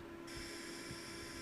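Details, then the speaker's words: Steady high motor whine of an Animas OneTouch Ping insulin pump priming, filling the infusion set tubing with insulin up to the cannula tip before insertion, during a young diabetic girl's routine infusion set change. "tubing so he's filling the he's feeling the tubing with insulin until until the cannula that little point at the tip until there's insulin inside of there"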